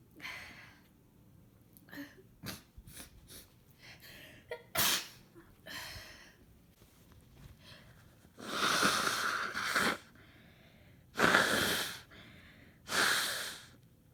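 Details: Adult with a congested head cold a few days in: several sniffs and short nasal snorts, then three strong, wet, explosive sneezes, some stifled; repeated sneezing with congestion and nose blowing.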